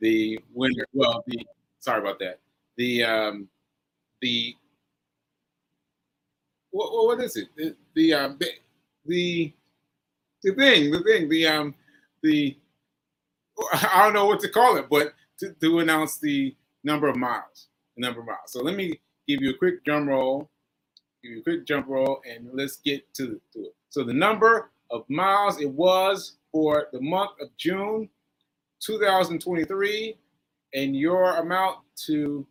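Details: Aphasia in a man almost one year after a stroke on 7/14/22; this stretch shows word-finding pauses and fillers.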